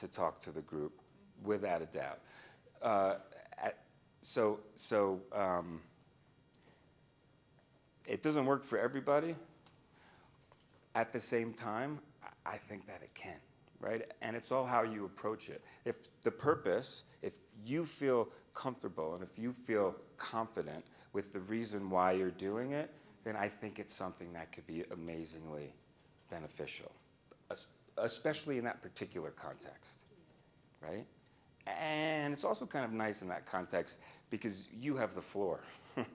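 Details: Adult man who stutters, a speech-language pathologist and stuttering researcher, speaking live at a keynote; he says he used to stutter overtly much more; stuttering.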